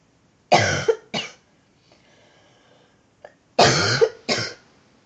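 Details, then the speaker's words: Sick person with a cold who says they sound like a frog and feel hot, after taking cough syrup: two bursts of loose, harsh coughing, two or three coughs each, in a quiet room. "that is no joke people probably think I have some kind of disease or something"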